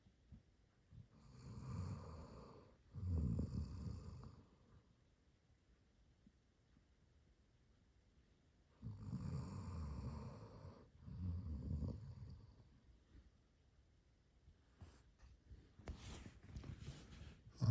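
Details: 12-year-old dog Millie asleep on the couch snoring: soft, low rumbling snores in paired bursts with quiet pauses, roughly every six seconds.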